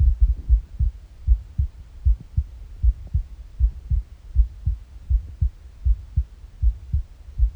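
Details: Morning heartbeat on an empty stomach: steady paired low heart thuds at about 80 beats a minute with a faint low background rumble; normal heart sounds.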